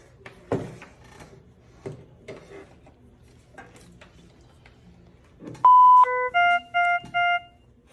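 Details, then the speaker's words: Monitor/defibrillator (ZOLL X Series) powering on after pads connected to an unstable, hypotensive patient later found in third-degree heart block: handling clicks and knocks, a long high tone, a falling tone, then three short beeps. "We're gonna get them on the monitor by connecting the pads and turning on our monitor."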